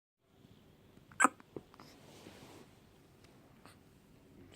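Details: Baby with hiccups: a couple of brief, sharp little catches of breath in a quiet room.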